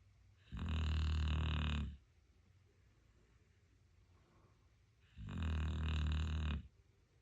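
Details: Sleeping dog snoring peacefully: deep, loud, low-pitched snores lasting over a second each, separated by quiet pauses of about three seconds.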